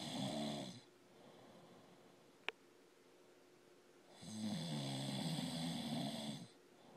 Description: Snoring husband this is women across America are tired